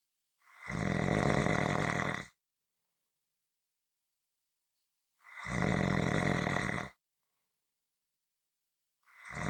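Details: From a 15-minute snoring recording: long, rough rumbling snores on inhalation, about 14 a minute, with silent pauses between them; snoring.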